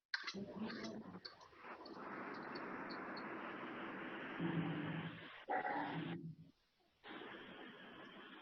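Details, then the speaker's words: One-month-old unvaccinated infant in close contact with a father with a long-lasting cough, temperature 37.5 °C: a run of short spasmodic coughs, then long, strained, drawn-out breaths, a whooping cough (pertussis) paroxysm. "one month old live in close contact with long coughing father temperature 37 and 1/2 degrees present long spasmodic off this person of course non-vaccinated please listen this cup"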